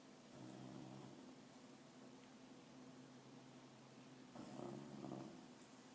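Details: Dog napping in the afternoon and snoring loudly: a long, low, buzzing snore, then a shorter, louder rattling snore, with quiet room noise between.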